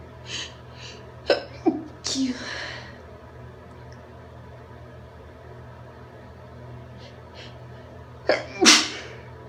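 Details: Induced sneezes from a female: two explosive sneezes, each preceded by quick catching inhalations, with a quiet room in between.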